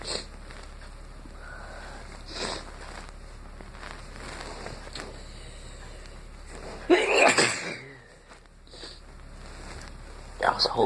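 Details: Person congested, deliberately inducing a sneeze: sniffing and faint breaths in a small room, then a sudden loud sneeze, with another sharp burst at the end.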